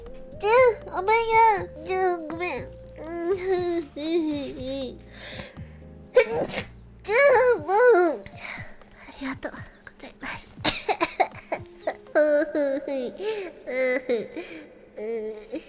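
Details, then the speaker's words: Several sharp sneezes in a run during a live stream, with high-pitched talking and background music; the person says they feel a sneeze coming and apologizes. A sneeze attack. "Oh, I can feel like a sneeze coming. I'm sorry. I'm sorry."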